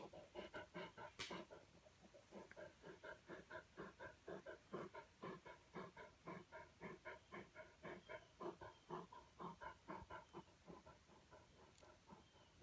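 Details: Dog named Marley breathing heavily: rapid, rhythmic, noisy breaths at about 120 per minute.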